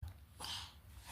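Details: A single short, sharp, airy sneeze from a curly-haired infant just after waking in the morning, with a faint low room hum.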